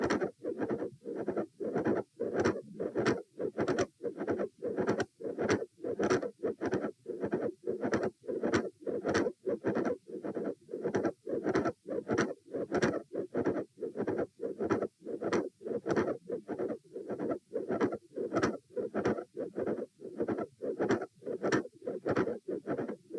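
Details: Heart sounds recorded at position A during a posture stress test (lying, sitting, standing, lying): regular, crisp sounds with a mid-systolic click and a fixed split S2 that does not vary.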